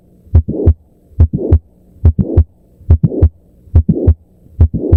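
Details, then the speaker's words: Mitral valve prolapse at the apex: midsystolic click followed by a late systolic murmur, louder when the patient stands; regular heartbeat near 71 a minute. "And the answer is mitro valve prolapse. The classic click murmur syndrome."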